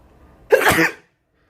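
A single forceful sneeze, a sharp burst of breath and voice lasting about half a second, then quiet.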